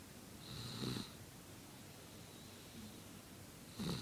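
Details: A sleeping baby snores lightly, with soft, whistling snuffles on each breath about every three seconds over steady room hiss.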